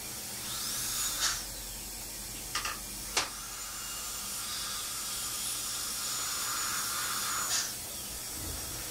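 High-pitched dental handpiece whine rising and falling in short bursts over a background hiss, grinding a tooth cusp to adjust the bite.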